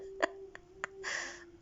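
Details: Baby boy with his father, around singing and laughter: three quick, sharp little catches in breath then a soft exhale, consistent with infant hiccups; faint steady tone behind.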